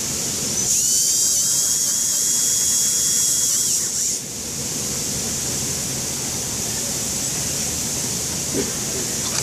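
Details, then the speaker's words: Class II mesio-occlusal composite filling on maxillary tooth #3: flexible sand disc on a dental handpiece smoothing the marginal ridge, high steady whine shifting pitch as it polishes. "I would polish this a little more with more coarse disc, but I'm sure you guys don't want to watch me do that for 10 minutes, so I'm just going to move on to anatomy."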